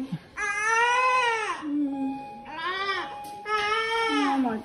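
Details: Newborn boy in hospital shortly after birth, classed premature by 3 days: three strong, high-pitched wails with breaths between, in a quiet room; newborn cry.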